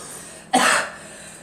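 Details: Adult coughing: a single short, harsh cough burst in a quiet room.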